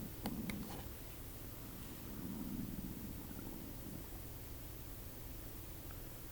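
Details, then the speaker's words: Adult's stomach rumbling (borborygmi) picked up by microphone during a live woodblock printmaking stream, before lunchtime. "But that last noise was my stomach rumbling. I don't know if that's good."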